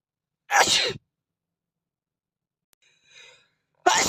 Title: Cute Asian boy Sneeze 🤧#sneeze #sneezeboy #sneezefetish #sneezing #fyp